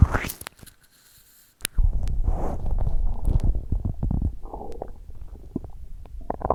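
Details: Borborygmi.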